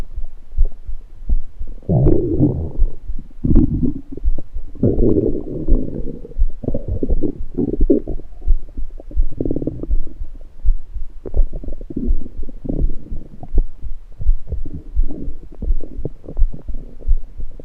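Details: Adult's abdomen recorded after drinking soda, partly lying on left side: low, bubbling gurgles and rumbles, with soda entering the stomach and burps; ordinary active bowel sounds (stomach gurgling).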